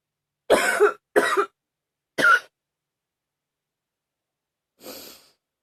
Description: Another one from a a few weeks ago... sorry at some point I cough too loud... :-/